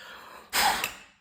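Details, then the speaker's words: Asthma monitoring with a peak flow meter, daily morning and evening three exhalations: one short, sharp, forceful breath out through the device, fading quickly; reading in the green (normal) zone, above 560. "тепер щодня зранку і ввечері ми робимо по три видоха і ми можемо бачити мій показник знаходиться зараз в зеленій зоні все нормально"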